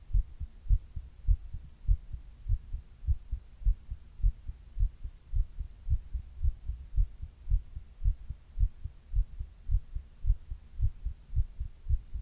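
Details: Steady, regular low heartbeat thumps at about 105 beats a minute with no other sounds, recorded by the person on their own chest while reading, in a recording partly made during a 102 °F fever; normal heart sounds.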